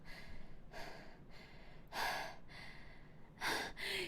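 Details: Streamer on Twitch has hiccups and tries holding the breath until they stop: quick breathy catches and gasps at uneven intervals over quiet room noise; hiccups.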